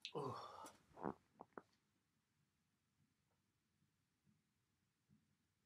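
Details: Self-induced sneezes on December 1st, 2021: a loud voiced sneeze burst, then short sharp sniffs and quiet breaths in a small room, with nose-blowing at the end; ordinary sneeze.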